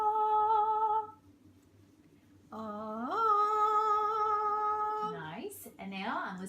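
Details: Female patient raising her pitch during a bedside swallow evaluation to assess laryngeal control; clinician responds approvingly; normal pitch glide.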